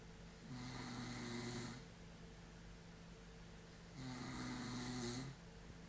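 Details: Two long, rattling snores a few seconds apart, each a low buzzing vibration on the in-breath, with quiet breathing between, from a person asleep on a couch; snoring.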